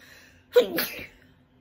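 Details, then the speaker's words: A single sharp sneeze with a quick inward breath before it, in a quiet room. Part of a winter sneezing fit on waking, which the person attributes to cold air creeping under the bedroom door. "There's a couple of sneezes for y'all. It just started snowing today."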